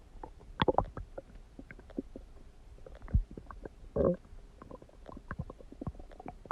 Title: stomach growling noises | My Stomach Makes Noises